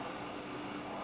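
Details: Steady continuous hum and hiss without pauses: running sound of the home mechanical ventilator, via tracheostomy, of a man with ALS (amyotrophic lateral sclerosis) ventilated for 20 years.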